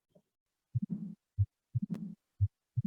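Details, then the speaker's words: Veterinary teaching recording of mitral stenosis: heartbeat about 60 a minute, first sound of increased intensity, normal second sound, then a low rumbling murmur from turbulence through the narrowed valve from atrium to ventricle. "Ya, ada turbulensi dari atrium ke ventricle. Ya, karena dari lubangnya menyempit, katupnya tidak bisa terbuka sempurna, kemudian dia ada timbul suara di"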